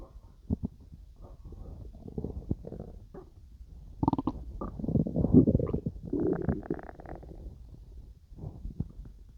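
Bubbling, gurgling rumbles that swell and fade, ordinary stomach growling during digestion.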